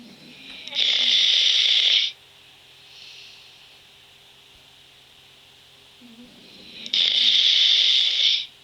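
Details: Snoring, with a change noted in the snoring pattern: loud hissing, rasping breaths about six seconds apart with a faint one between, over a steady low hum.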